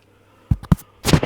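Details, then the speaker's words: An adult speaker's sneeze, stifled by covering the microphone: after a quiet moment, a sharp muffled burst and a brief follow-up puff, probably made worse by the covered mic. "My apologies. Sorry. I tried to block the sound of me sneezing by covering the mic, but probably made it worse and I do apologize for that."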